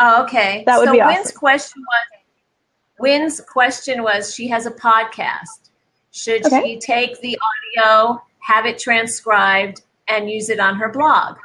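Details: Adult woman; normal speech.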